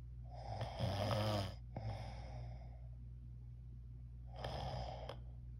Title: My Snore